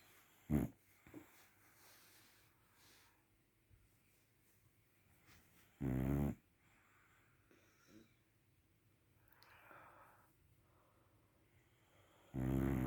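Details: Sleeping dog: three loud, low, rattling snores a few seconds apart in a quiet room, with soft breathing between: snoring.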